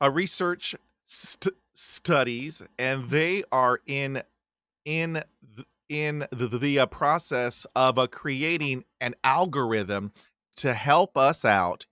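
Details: Podcast host who stutters, with audible repetitions and fillers; stuttering.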